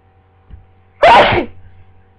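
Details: Sneeze during flu: a short intake of breath, then a single loud, explosive sneeze over a low background hum.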